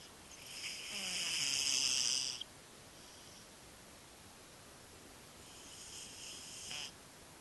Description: My cat Butters snores louder than I do!